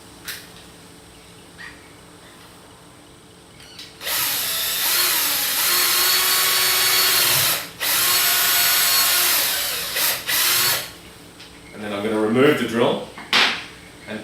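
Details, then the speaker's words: Orthopaedic power drill with a CingleBit drill bit drilling a hole at an angle in simulated bone for an external fixation pin: a high-speed whine in bursts, then slower grinding. "I'm going to load a single bit which is a singular Orthopedics drill bit product and I'm going to drill a hole at an angle"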